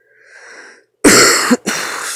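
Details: Soft breathy sound, then one harsh cough burst and a brief second burst from a sick adult of unknown illness, with sense of smell and taste not completely lost; cough.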